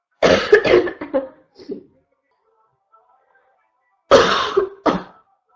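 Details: Female with a constant barking cough: two runs of harsh, abrupt, rough coughs with a pause between, about six in all.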